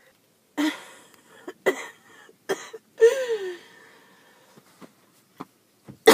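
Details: Adult who has skipped breathing treatments several times in a row, thinking it was just allergies, with chest pain: about five harsh, hacking cough bursts, one ending in a strained, wheezy groan.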